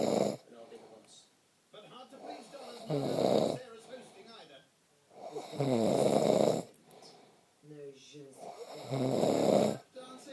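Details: Loud rattling snores on each breath in, about 20 breaths a minute, with quieter breathing out between them; habitual snoring that bothers the snorer's girlfriend.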